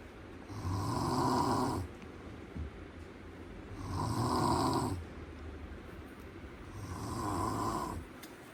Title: Snores Sound in my room Always what I do #snoressound #orignalSnoresound #trending #funny #comedy